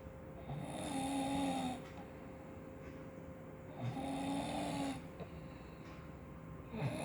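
Rhythmic, rattling snores on each breath in, with a steady background hum: snoring during sleep.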